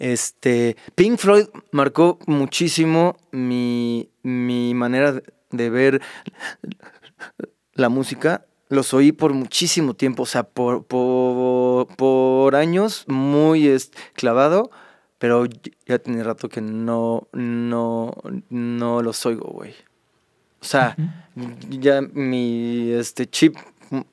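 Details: Adult male Mexican singer with stuttering present since early childhood; he cannot recall speaking without getting stuck and reports not stuttering when singing.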